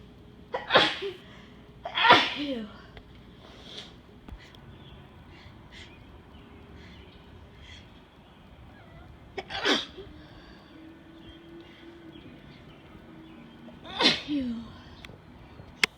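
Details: Four sharp explosive sneezes over about 15 seconds, each with a short voiced tail, in a bout of repeated sneezing that started while driving home after a gym workout; sneezing.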